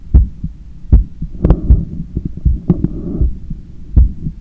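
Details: Own heart sounds via stethoscope after a 10 km run, lying on a daybed turned onto the left side while trying to control breathing: strong, booming beats at about 78/min with breathing noise between; normal post-exercise heart sounds.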